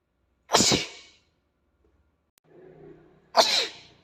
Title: Tickling a cute Asian boy's nose makes him sneeze 🤧